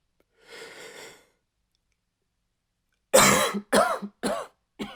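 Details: Male acted coughing fit: an in-breath, then four dry, harsh coughs with a slight barking edge.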